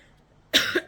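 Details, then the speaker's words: A single short, sharp cough from an adult woman after a quiet pause; she says she is recovering from an illness going around and still has lingering after-effects, coughing a little; a cough. "Me disculpo porque me van a escuchar un poquito tosiendo, ¿verdad? Estamos saliendo de eso que anda dando."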